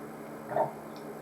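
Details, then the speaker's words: Person with lifelong retrograde cricopharyngeus dysfunction (no-burp), unable to belch, gas trapped in esophagus: single brief soft gurgling croak from the back of the throat, not a burp. "there's a massive bubble of gas trapped in my esophagus all the time and it can basically make this horrible croaking sound which isn't a burp"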